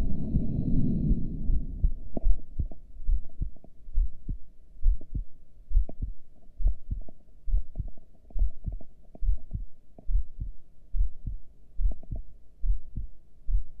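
Regular low heartbeats at about 69 a minute under a faint steady hum; a normal heartbeat during a held breath.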